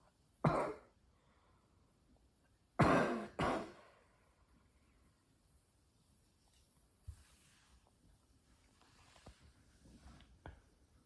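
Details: Adult woman who has smoked one pack a day of Marlboro Red for 14 years, coughing while exhaling smoke; three harsh, rough coughs, one then a quick pair, then quiet breathing. Smoker's cough.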